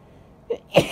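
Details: Single sharp, explosive induced sneeze after a quick catch of breath, from a female; sneezing.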